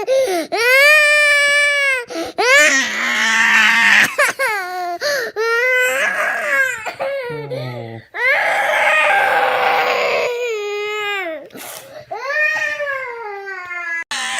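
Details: Young child crying in a small room: loud, sustained wailing cries in repeated bouts with gasping breaths between them.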